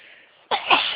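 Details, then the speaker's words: Single sneeze from the biggest sneezing fit of the day, after sneezing was held back all day at work: a quiet breathy intake, then one sudden explosive burst with a trailing release. "I've been sneezing all day, but this is the biggest fit I've had. I've been working, so trying to stop them. And now they just don't want to be stopped."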